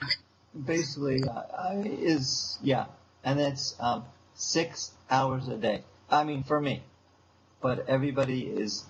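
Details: Young man with aphasia since a stroke seven years earlier, still attending speech therapy four times a week; aphasia.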